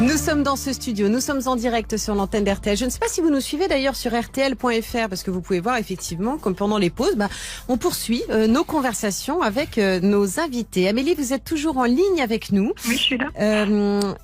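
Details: Adult woman, radio host; typical speech.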